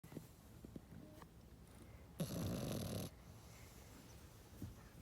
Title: Rambo Snoring